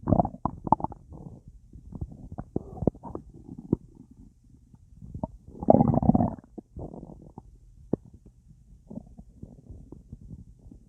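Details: Full, gassy belly after a big meal eaten with a drink: irregular bubbly gurgling bursts and a louder rumbling spell, active bowel sounds (borborygmi).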